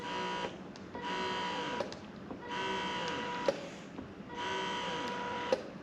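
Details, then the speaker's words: Wearable electric breast pump set to maximum vacuum intensity (adjustable up to level five) in expression mode: slow, regular motor whine cycles with a click at each release, about three per ten seconds, suctioning harder at a slower pace. "putting at the maximum and you could hear that it's trying to suction at a higher level at a slower pace"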